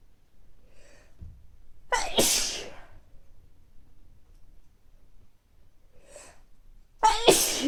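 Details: Person with recurrent mild colds coming and going over recent weeks, nose not very stuffy but feeling sneezy: two sneezes, each preceded by a short in-breath, in a quiet room.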